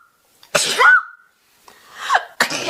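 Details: A girl sneezing, with her eye watering and tags of allergies and sinuses: a quick intake of breath, then a sharp explosive sneeze and a second breathy burst.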